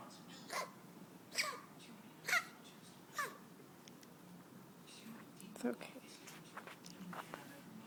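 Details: Five-week-old Yorkshire terrier puppy, lethargic, with vet-diagnosed kennel cough (distemper and parvo tests negative), on antibiotics and nebulizer treatment: five faint, short, dry hacking coughs.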